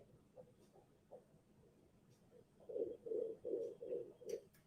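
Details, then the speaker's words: Fetal heartbeat heard by ultrasound for the first time by the mother: rapid, regular whooshing pulses at about 150 a minute. "So when I watched this, this is the first time she's hearing the baby's heartbeat."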